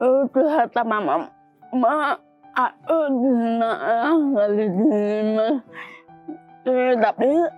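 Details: Dysarthria in a young woman with cerebral palsy from birth, with speech difficulty and delayed walking (beyond age two) since childhood.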